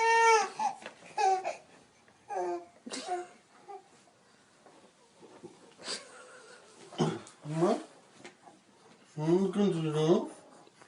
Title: Baby scared by dad snoring.!